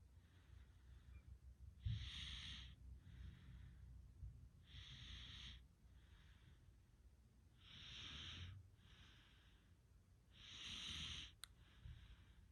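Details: Rough, rattling snoring during sleep, louder snore on each in-breath with quieter out-breath, about five breaths in twelve seconds.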